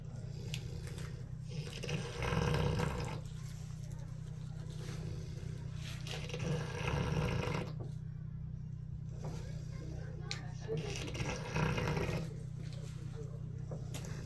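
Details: Pig at a zoo snoring, with low rumbling snores every four to five seconds over a steady low hum; snoring.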